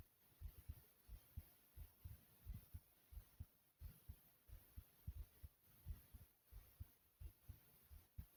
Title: My Thumping Heartbeat Sound